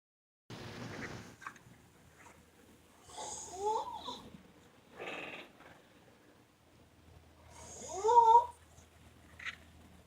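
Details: Sleeping kid snoring: breathing with a high whistling, squeaky, wheezy quality.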